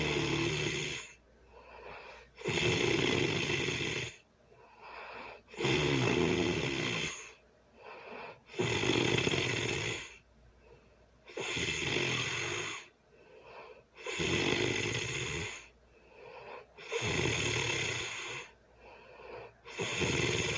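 Loud, harsh, regular snores about 20 a minute, each followed by a softer breath out; heavy snoring during sleep.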